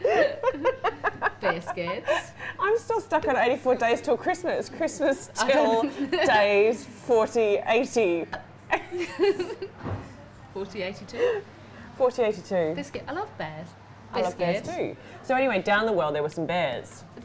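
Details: Adult woman with Tourette syndrome whose recurring vocal tics (e.g. 'biscuit', 'I love bears') are woven into an improvised story; Tourette syndrome vocal tics.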